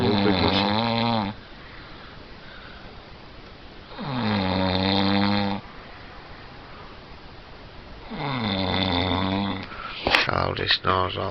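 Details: Very loud snoring: rattling snores with each breath in, about every four seconds, with quiet breathing between and a brief clatter at the end.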